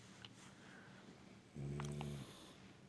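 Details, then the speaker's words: Woman, the filmer's wife, asleep in bed: a single low, rumbling snore on an in-breath over quiet room noise; snoring. "Olha aí pessoal compartil este vídeo com outras pessoas e sorria com alguém roncando ao teu lado"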